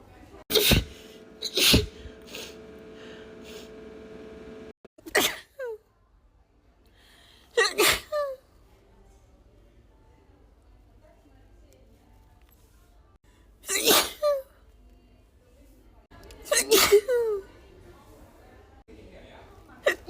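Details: Woman with allergies: a run of about eight sharp sneezes with gasping intakes, some in quick pairs; allergic tickly sneezing.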